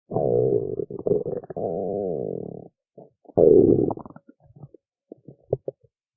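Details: Stomach growling and tummy noises from a big belly after skipping lunch while hungry: bowel sounds (borborygmi).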